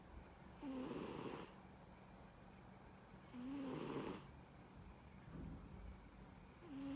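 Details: Sleeping cat snoring: a rhythmic raspy rattle with a faint whistling edge on each breath, about 21 breaths a minute, with quiet pauses between.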